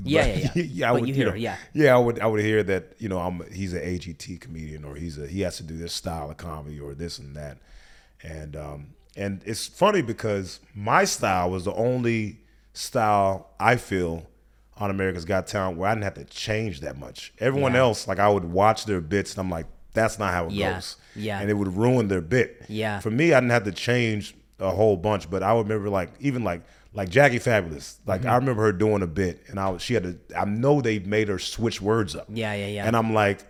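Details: Adult male speaker in conversation; typical speech.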